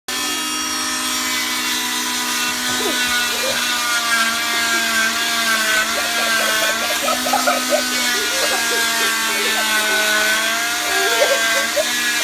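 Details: Cast saw removing a cast: steady high motor whine with gritty scraping as the blade cuts through the material.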